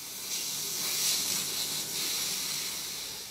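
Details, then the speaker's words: Steady high-pitched hissing with a soft swell from ultrasonic agitation of irrigant in a final cycle at the second session, a week after calcium hydroxide dressing, during retreatment of a painful maxillary second premolar with periapical radiolucency in a 46-year-old woman. "at the second session a week later the canal is react cest and revised in a final cycle of ultrasonic agitation of the irrigant solution is performed"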